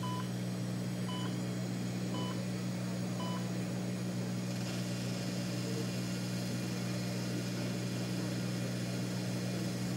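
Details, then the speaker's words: Solea CO2 dental laser, used for hard and soft tissue, primed before a class 2 tooth preparation: faint, evenly spaced electronic ready beeps over a loud steady suction and equipment hum. "we'll just select the setting activate the laser wait for it to prime here are the five beeps"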